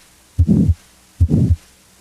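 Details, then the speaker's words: Teaching recording of two heartbeats, each with a harsh crescendo-decrescendo systolic murmur between S1 and S2 that swells then fades, as in aortic stenosis. "a crescendo decrescendo murmur as heard with aortic stenosis first rises in intensity then falls"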